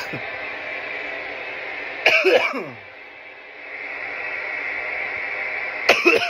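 Two harsh cough bursts with a strained throaty quality, separated by background hiss; an irritant cough after inhaling smoke.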